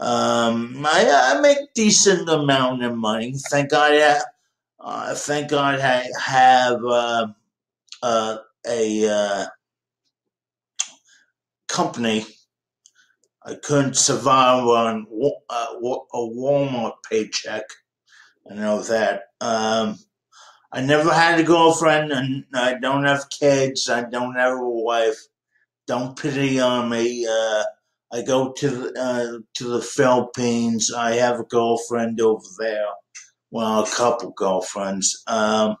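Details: 51-year-old man with dysarthria due to cerebral palsy present since birth.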